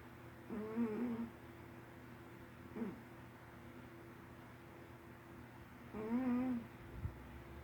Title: Ossie snoring